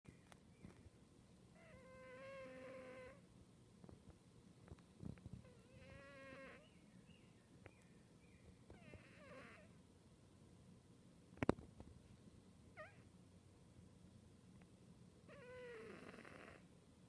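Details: Cat Cali, snoring since kittenhood: soft, faint snoring breaths repeating every few seconds in a quiet room, with intermittent chirping and clicks in the background.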